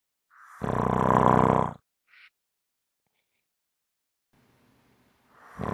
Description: This is a 5 minute clip of snoring.